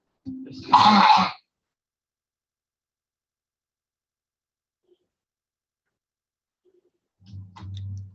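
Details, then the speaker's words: Home video of a young boy playing a Spider-Man game with a parent; he coughs at least once a minute: habit cough (somatic cough syndrome). "There was another cough. So at least once a minute, he's having a cough."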